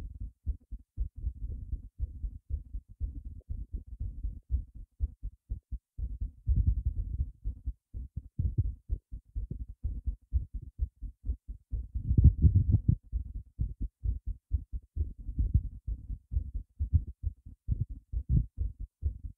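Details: Own heart racing after a big surprise, visible between the ribs: fast, dull low thumping heartbeat, roughly 120 to 130 a minute; rapid heartbeat (tachycardia).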